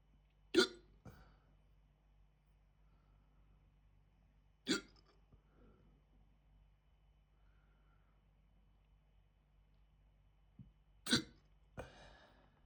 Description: Right after eating an Aldi Chicken Tikka Jalfrezi… the hiccups kicked in almost immediately (recorded on 28th July 2026).